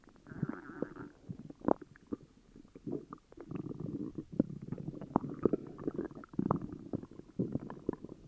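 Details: Upset stomach: continuous low gurgling and rumbling from the belly with bubbling pops; loud stomach growling, borborygmi.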